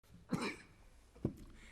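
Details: A 48-year-old man, Australia's Treasurer, has a coughing fit during a parliamentary speech and is then tested for coronavirus: two short, dry coughs about a second apart in a quiet room.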